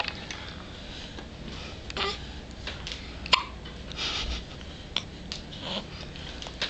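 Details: An infant's first hiccups: soft, sharp little catches recurring every second or two over faint room noise.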